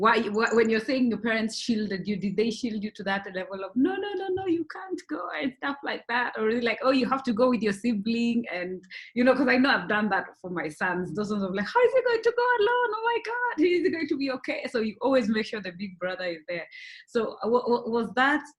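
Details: Adult woman speaking; ordinary speech.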